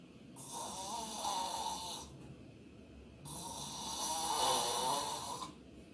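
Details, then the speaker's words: Snoring with tongue-base obstruction, the tongue being sucked back narrowing the airway, described as entering a dangerous state: two long, harsh, rattling snores on inspiration, recorded sleep sound. "2 혀가 빨려 들어간 우리가 나이 시작하면 그때부터 좀 위험한 상태에 접어든 거죠"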